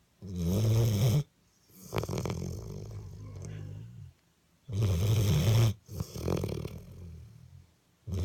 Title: Dog snoring